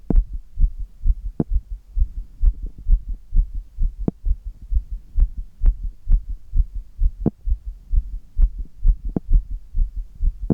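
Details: Heartbeat recorded while doing handstand push-ups: fast, strong, regular heartbeat about 130 beats a minute with a low hum, the heart racing from exertion while upside down.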